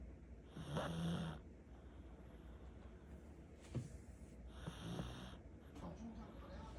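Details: Heavy snoring in a Pomeranian dog: two loud, rough, snorting breaths separated by quieter breathing.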